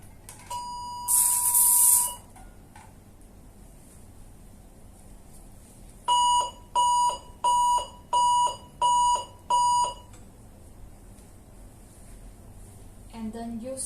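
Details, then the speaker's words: 400 W high-frequency electrosurgical unit in standard coagulation mode via blue foot-pedal: a steady tone, then six short pulsed beeps about 87 a minute; electrosurgical unit activation tone. "Let's try to use the standard code. We should press the pedal here. for blue."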